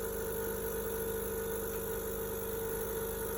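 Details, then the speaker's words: Gomco bedside electric suction machine switched on before oral suctioning with a Yankauer catheter, skills validation demonstration; steady low motor hum with no breaks. "There's an on-off button right here. You hear it running, it means it's on."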